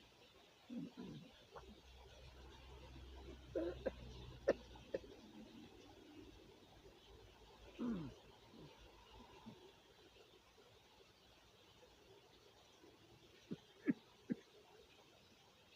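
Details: Adult father with a stomach infection, dehydrated and unable to sleep: quiet, scattered gurgles and squeaky rumbles of active bowel sounds; borborygmi (stomach growling).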